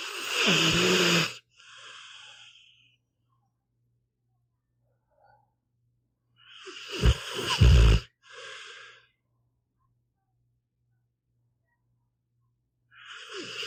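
Snorting, rattling breaths from a sleeping dog, about 9 a minute, with a steady low hum behind; ordinary snoring in a resting dog.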